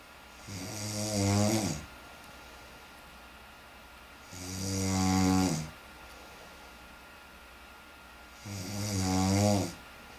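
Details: Snoring: three loud, rumbling inspiratory snores, regular at about 15 breaths a minute, with steady room hum between them.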